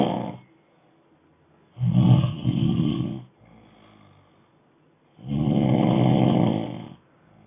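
Loud, rough, rattling snores on each breath in, with quiet breaths out between; slow sleep breathing with snoring.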